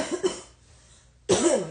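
Two brief bursts of coughing separated by a short pause. Plain coughs.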